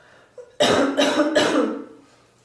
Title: Bathroom Coughing Fit